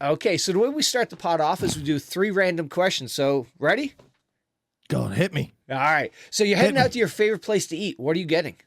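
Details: Adult male speaker; no disorder.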